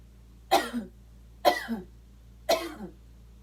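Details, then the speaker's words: Acted demonstration of a post-abdominal-surgery pneumonia-prevention exercise: after three deep breaths with the third held three to five seconds, three forceful coughs in quick succession without a breath between, forcing mucus to dislodge. "so again that's just kind of forcing myself to cough and forcing that mucus to dislodge and not build up to cause that pneumonia"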